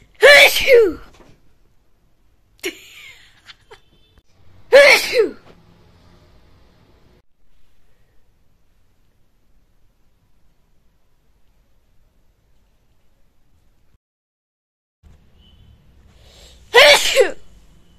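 Three forceful wet sneezes with a sharp intake before each, separated by quiet pauses; ordinary repeated sneezing.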